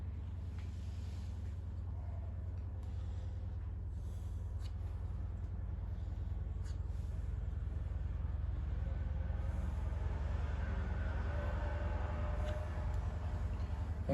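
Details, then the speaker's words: Educational demonstration of a pleural friction rub: superficial, crackling or harsh, low creaking and grating chest sounds heard on both inspiration and expiration, not cleared by coughing, located at zones of maximal expansion, the anteroinferior region. "El roce pleural son sonidos superficiales, crujientes o ásperos, que se escuchan tanto en la inspiración como en la expiración, y estos no desaparecen con la tos."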